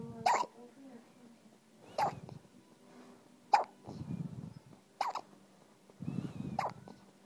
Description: ...... My baby has hiccups ..... sounds like a little puppy lol